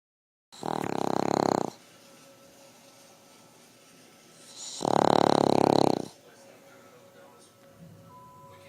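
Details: Large Boston Terrier sleeping and snoring: two loud, drawn-out rattling snores about four seconds apart, with quiet breathing between.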